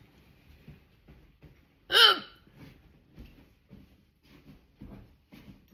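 A single loud, abrupt vocal hiccup over quiet room sound; hiccups (singultus).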